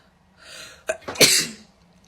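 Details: Young woman's indrawn breath and short catches, then one forceful hissing sneeze, set off by a self-administered COVID-19 nasal swab test; she reports pain from the swab.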